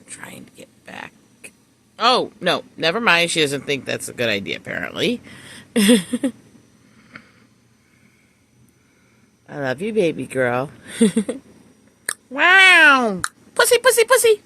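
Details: Likely vocal tics of Tourette syndrome in a female speaker, including interjections and bleeped words.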